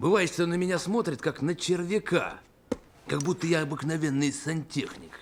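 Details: Artificial, exaggerated lisp in a film clip, created as a sound effect by pushing a DeEsser too far, not a real speech disorder; lisp (simulated).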